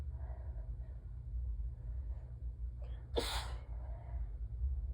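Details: Quiet breathing, a brief catch, then one sharp forceful allergic sneeze during a sneezing fit; sneezer has a peppermint in the mouth, which can make sneezes sound strangled.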